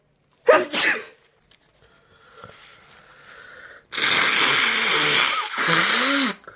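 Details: Two loud, sharp sneeze bursts in a quiet room with a brief faint noise between; sneezing.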